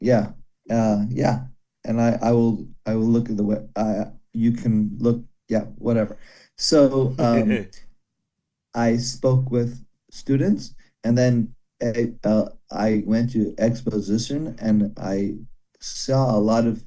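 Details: Broca's aphasia in a man after a stroke during heart valve surgery about 17 years ago; comprehension reported intact, speaking very hard; daily speech therapy, improving slowly.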